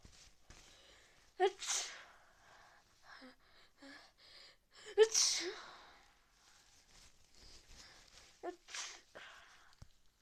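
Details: Three sneezes, each a sharp intake then an explosive burst, over about ten seconds in a quiet setting, from a person with fever and nose-blowing who suspects a cold; sneezing.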